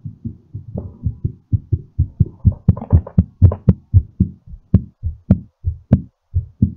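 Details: Fast, strong heartbeat at about 115 a minute; a rapid heartbeat during recovery after exercise.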